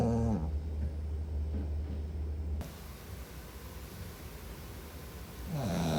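Low, rough, rattling breathing noise from a sleeper at the start and end, with a quieter stretch between; snoring.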